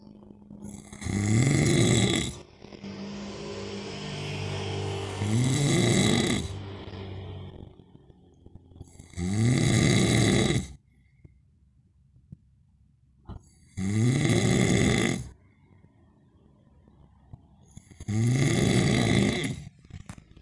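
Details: Man snoring in sleep, recorded in darkness: loud, rattling snores recurring about every four seconds, roughly 14 breaths a minute.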